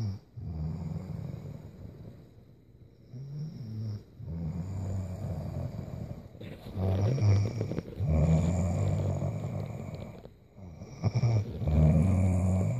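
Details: Sleeping young woman snoring: deep, rumbling snores in repeated breath cycles with short pauses between them.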